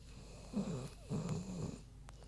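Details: Short grunting, snorting snores from Queenie, a big pig, sleeping in a quiet room; harmless sleep snoring.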